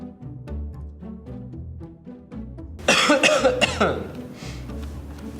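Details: Desk coworker sneezing during flu season, over soft music: a loud burst of a few rapid explosive coughs or sneezes in a single cough-sneeze episode.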